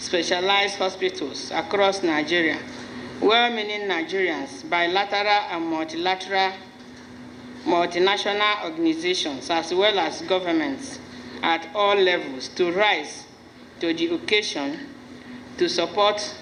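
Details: Adult speaker; normal fluent speech.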